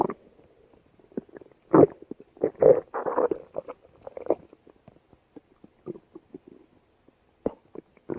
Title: Stomach Growl